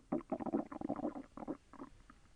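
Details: Self-recorded stomach growling during digestion, with slight pain as the intestine moved: rapid bubbling, gurgling runs lasting about two seconds; bowel sounds (borborygmi).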